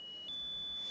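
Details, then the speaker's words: Generated noise-generator tone from a hearing-aid specialist for matching a tinnitus patient's pitch: a steady high-pitched whistle that steps slightly higher partway through while she judges higher or lower. "donc ce qu'il faudrait qu'on trouve celle là fondamentale la fréquence principal donc est ce que ce serait un peu plus aiguë un peu plus grave qu est ce que je garde ça"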